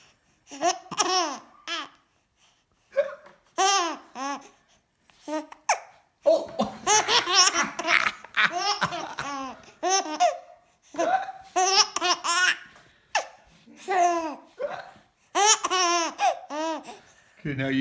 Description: Cute baby laughing while hiccuping !! 😍